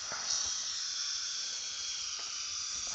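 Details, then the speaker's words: Continuous steady hissing of a dental surgical suction tip drawing away fluid while a broken, cold-welded abutment screw is drilled out of an external hex implant (Biomet 3i); rinsing with suction held on the site; dental suction. "all right Surgical suction please okay go right up in there great good for you that's good all right let's rinse that toward you okay very good okay keep the suction right on that"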